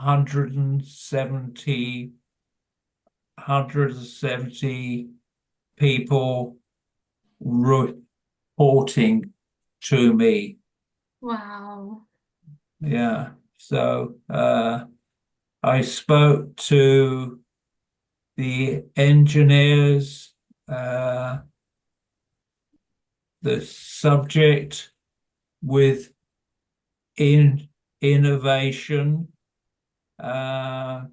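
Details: Adult man with primary progressive aphasia; hesitant speech; finding: primary progressive aphasia.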